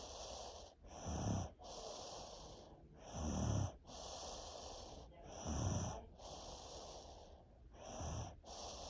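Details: Snoring during sleep while ill with strep throat and a head cold for over a week: rhythmic rattling snorts on in-breaths, softer breathy out-breaths, about 26 breaths a minute.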